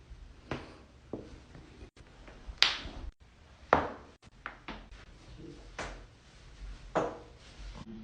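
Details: Loud back crack and more joint cracking in a compilation; several sharp, loud cracks and pops amid quieter handling noise in a small room, joint cavitation during manual adjustment.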